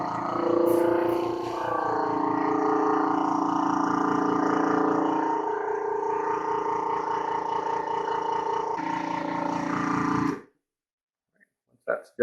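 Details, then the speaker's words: Home suction machine switched on to draw hot water through its tubing and rinse it during cleaning: a steady droning motor hum with a rapid pulsing buzz that stops abruptly. "then i'm actually just going to turn this on and suck it into there so that it cleans out this tube as it sucks"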